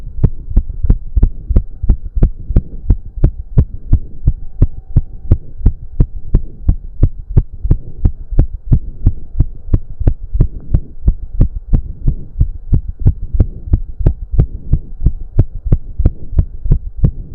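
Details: Male heartbeat during an intense cardio workout of about 15 minutes, with heavy breathing. Strong, regular pounding at about 170–180 a minute; he reports close to 200 bpm. Sinus tachycardia from hard exercise.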